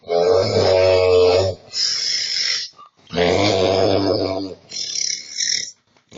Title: Very funny snoring fail